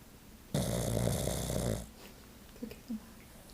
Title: Snoring Pug Tries To Take a Nap